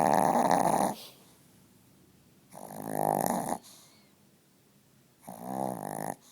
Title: snoring VERY LOUDLY